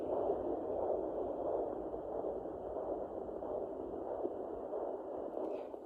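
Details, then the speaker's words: Mother's own heartbeat on a home fetal Doppler at 12 weeks 5 days of pregnancy, probe placed on the side of the abdomen: steady whooshing hiss with faint slow pulsing, slower than the fetal heartbeat. "Okay, that's what my heartbeat sound like, the whooshing sound."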